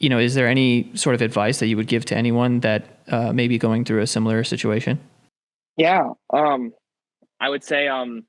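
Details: Adult male speaker, with a second voice answering; normal speech.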